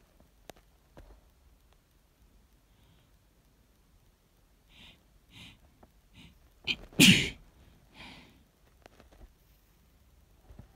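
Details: Quiet room with soft sniffs and short inhalations, then one loud sharp sneeze burst and a brief exhale, sneezes that woke the person up; sneezing.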